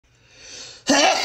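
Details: Single sneeze from a royalty-free sound-effect recording: a quiet building inhalation, then a sudden loud explosive burst of air.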